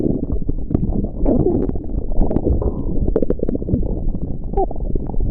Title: byron listen stomach growling